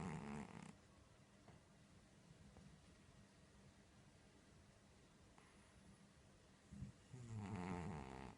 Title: Cat Snoring *Very Funny*